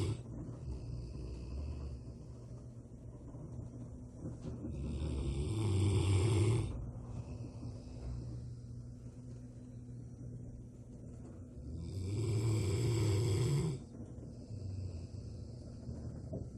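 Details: Rottweiler, a large dog, sleeping during the day and snoring, described as louder than a human; deep, loud rumbling snores, two long snores with quieter breathing between; snoring.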